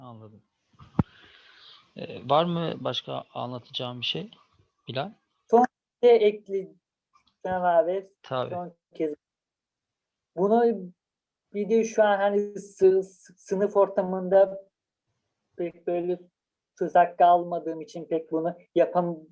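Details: Person who stutters, previously treated with speech therapy using prolongation technique; stuttering.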